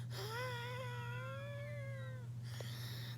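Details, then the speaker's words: Wheezing during an asthma attack in an adult who is still wheezing after 100 mg of injected steroids and finds it hard to talk: a long, high musical whistle on one breath from narrowed airways. "so today is not a day of feeling so good because of the asthma I don't know if you can hear that"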